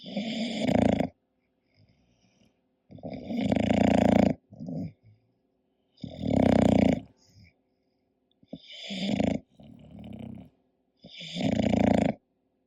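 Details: Loud, rough snores about every three seconds with shorter snorts between, from a sleeping English bulldog; heavy snoring.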